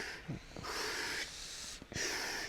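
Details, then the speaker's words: Ventilator-delivered breaths through a cuffed tracheostomy tube in an adult on invasive ventilation for eight years, with the cuff inflated: even, machine-driven airflow hissing in and out in a steady rhythm, so the ventilator does all the work of breathing. "When the cuff on the tracheostomy tube is inflated, all the work of breathing is being done by my ventilator, and it's a very rhythm breathing."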